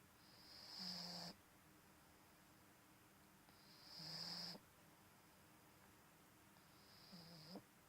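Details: Bulldog puppy asleep: three rhythmic snoring breaths in eight seconds, about 22 a minute, each a low rumble with a high whistling edge, over quiet room noise; snoring.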